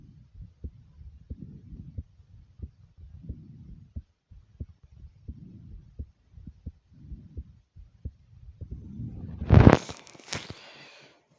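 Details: Own heartbeat recorded after running in place for a few minutes, possibly over the stomach: steady, quick thumps at around 90 a minute with soft breathing swells, a fast heartbeat after exercise.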